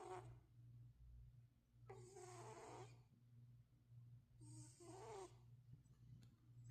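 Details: Soft rhythmic snores from a sleeping cat, about two breaths in six seconds, over a low steady room hum: ordinary snoring during a nap.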